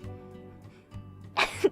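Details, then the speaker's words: A single sneeze over soft background music, a sudden breathy burst ending in a short voiced cry; the speaker says she was holding it back and trying to sneeze cutely, calling it a fake sneeze. "that was me holding back my sneeze for sneeze well i told you before i don't have cute sneeze that was me holding back that was me trying to sneeze cutely that's my my fake sneeze but even it's not cute"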